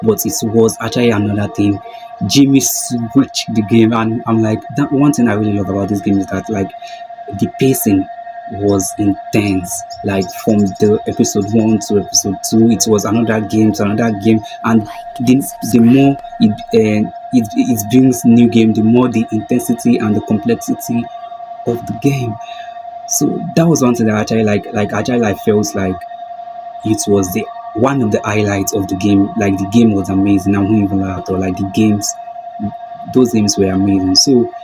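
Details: Video host who self-identifies as a stammerer, stuttering with a broken word and a repeated word; stuttering.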